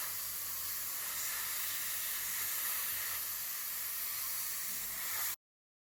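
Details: Professional dental cleaning after braces removal to remove leftover bracket glue: a steady high hiss with spray and suction noise throughout from a dental cleaning instrument; the procedure is described as not painful but uncomfortable.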